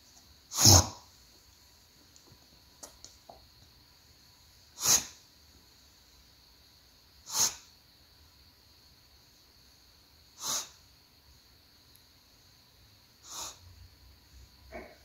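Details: A dog gives five short, sharp sneezes or snorts a few seconds apart in a quiet room, just after a coughing fit.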